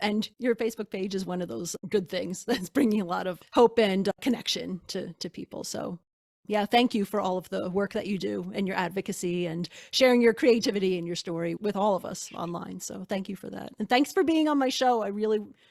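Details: Adult woman speaking; normal speech.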